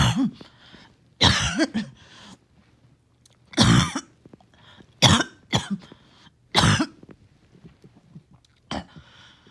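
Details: Coughing fit with repeated harsh coughs and throat clearing in quick bursts, about eight or nine in ten seconds, with gasping between; back-to-back morning coughing fits leaving the person winded.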